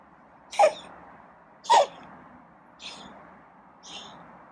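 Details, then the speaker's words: Male feral cat during petting, a 1-minute coughing fit the owner has not seen this long before and says almost sounds asthmatic: four short, harsh, forceful expulsions about a second apart, the later ones weaker; cat cough. "i guess he's done coughing so i haven't seen him cop that long before this almost sounds asthmatic"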